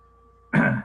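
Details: After a moment of quiet room hum, an adult speaker who apologizes for a hoarse voice gives one short, rough throat clear during a college information talk: throat clearing.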